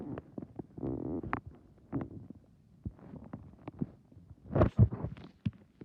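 Quiet gurgles, squeaks and a brief low rumble; ordinary stomach growling.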